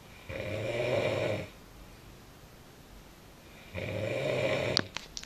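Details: The recorder's sister asleep: two buzzing inhaled snores about three seconds apart, with a few faint clicks at the end; snoring.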